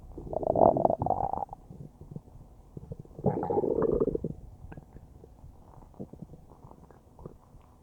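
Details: Loud churning gurgles, then softer scattered gurgles and pops from the stomach, recorded about a minute after eating a huge bowl of spaghetti; normal bowel sounds.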